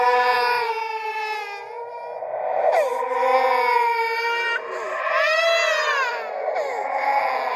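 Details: Simulated "ghost baby" horror sound effect: high-pitched, wavering infant crying in long drawn-out wails; infant cry.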